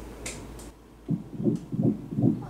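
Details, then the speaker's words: Fast, regular, strong whooshing fetal heartbeat, about 155 beats a minute, heard on ultrasound Doppler during a pregnancy past 14 weeks after fertility treatment; everything looks perfect. "Oh my God. That's a strong one. It's a gorgeous heartbeat."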